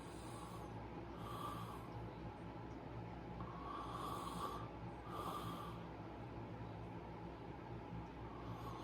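Soft, noisy breaths with faint snorting snores every two seconds or so against steady background hiss. Light snoring.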